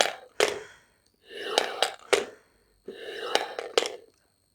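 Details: Triflo incentive spirometer used for breathing exercise without forcing: three slow, airy inhalations through the device with clicks and rattles from it; incentive spirometer inhalation.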